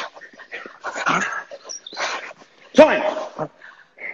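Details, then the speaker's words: Dog coughing in the background of a live home workout: several short, rough coughing bursts with a brief whine; dog cough. "That's my dog coughing, by the way, not me."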